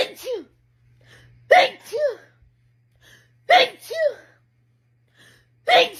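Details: Girl sneezing, tagged allergies and sinuses: three sneezes, each a sharp burst followed by a short voiced gasp, in a quiet room.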